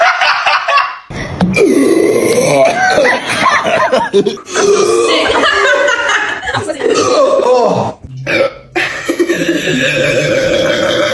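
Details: Long, loud, drawn-out belches with laughter around them, deliberate burping during a Sprite drinking challenge; burping.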